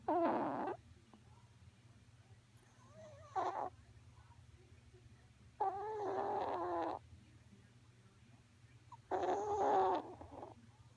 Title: Snoring chihuahua